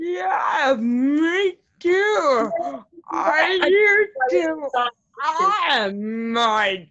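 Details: Adult woman with cerebral palsy whose muscles tighten when she gets excited, making her speech harder to follow; dysarthria (cerebral palsy).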